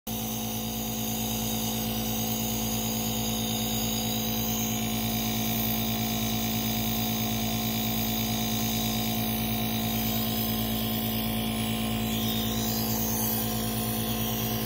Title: asthma attack, nebulizer time